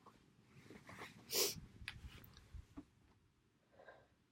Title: Sneezes and blows